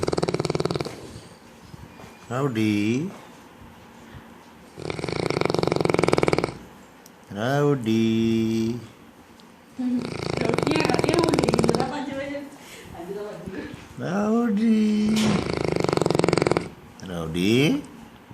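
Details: A sleeping Neapolitan mastiff, said to sleep about 20 hours a day, with loud, rough, rattling breaths in roughly five-second cycles and whistling squeaks on some breaths: heavy snoring.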